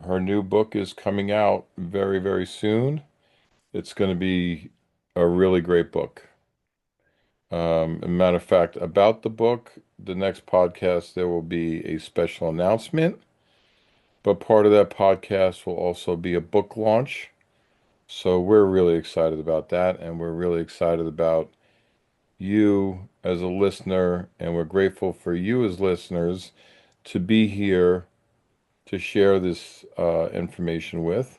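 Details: Adult male speaker; ordinary speech.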